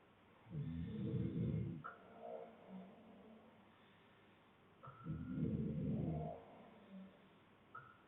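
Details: Adult man sleeping, with other snorers in the background: two deep, rumbling snores about four seconds apart, each followed by a softer breath out, about 14 breaths a minute; loud snoring.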